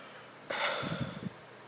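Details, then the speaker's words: Hiccup in a school-age vlogger at night while watching TV and eating pizza: a sudden sharp intake of breath followed by a brief throaty, voiced catch. "and have the hiccups which is not very good for you know YouTube"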